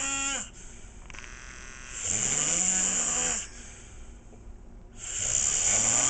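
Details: Loud, harsh, rattling adult snoring on inhaling, about two snores in six seconds with quieter pauses, steady background hiss.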